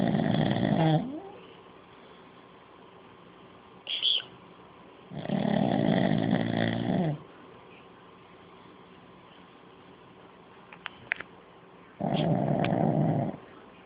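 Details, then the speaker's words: Old pug sleeping while the owner watches TV: loud, rattling snores of about two seconds each, separated by quiet pauses; heavy snoring in a sleeping flat-faced dog. "Okay, my dog is out there snoring, and he's really loud, so we're gonna go get it on video."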